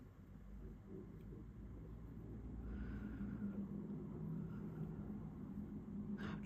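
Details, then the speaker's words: Stomach growling (borborygmi) in an adult close to dinner time: low, continuous rumbling with a drawn-out gurgling, groaning stretch in the middle, over quiet room noise. "you can hear my stomach growling because it's very close to dinner time here in the UK."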